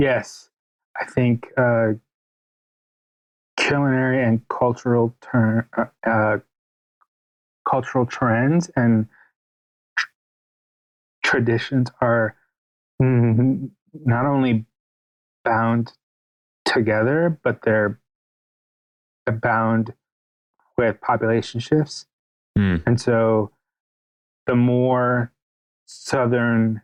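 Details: Stuttering in an adult male writer and podcast guest; the host notes his real, ongoing stutter may be heard throughout the interview.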